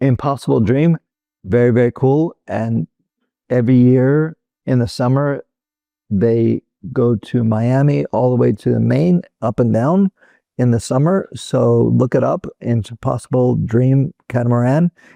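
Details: Adult male former critical care and flight paramedic with Broca's (non-fluent) aphasia caused by a stroke in 2007; finding: Broca's aphasia.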